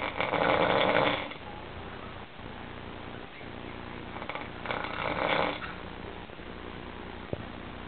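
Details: Loud, rattling snores with quieter breathing between them, heard in a small room; ordinary snoring.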